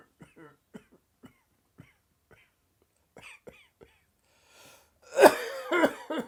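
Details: Sudden dry, tickly coughing fit just after lunch: a run of short, soft throat-catching coughs building to three louder, harsh dry coughs.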